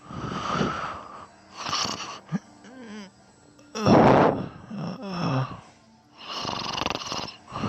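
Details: Loud, irregular rasping snores mixed with groaning, whistling breath sounds during sleep, from a person who also sleep talks; heavy snoring.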